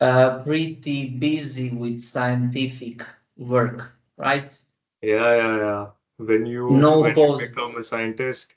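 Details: Adult man who stammers, using the flexible rate speech technique with voluntary pauses and a deep breath before continuing; stuttering with flexible rate speech technique.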